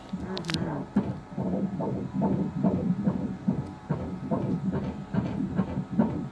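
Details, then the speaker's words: Rapid, regular whooshing pulses on Doppler ultrasound at 17 weeks of pregnancy. Fetal heart rate is 142, within the normal range. "Hey, Savannah, why don't you sit down there? Heart rate 142. That's good."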